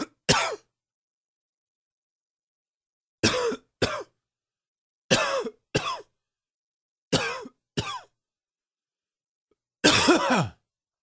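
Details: An adult's harsh, rough morning coughs, mostly in pairs; smoker's cough.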